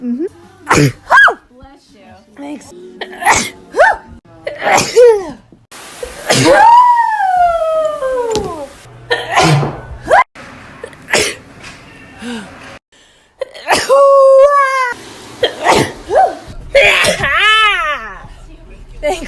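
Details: Sneezing compilation from different people, recorded April 2017 to January 2019: a rapid series of short explosive sneezes and long drawn-out sneeze cries, with some music.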